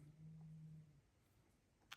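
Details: Snoring, possibly from an elderly 17-year-old cat sleeping on a heated panel in his bunk, heard faintly in a quiet room.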